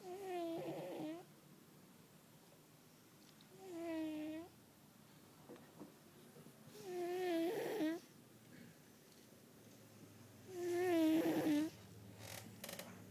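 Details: Fat cat sleeping: loud snoring in a slow, regular rhythm, about sixteen snores a minute.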